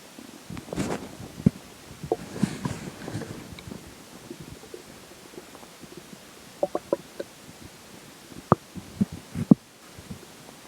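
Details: Irregular gurgles, rumbles and soft pops in clusters with quiet gaps, during digestion after a slice of pizza for breakfast and McDonald's for lunch; ordinary digestive growling.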